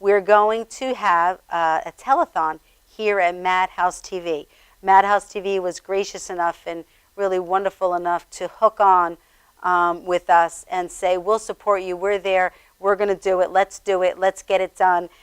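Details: Adult woman speaking; ordinary speech.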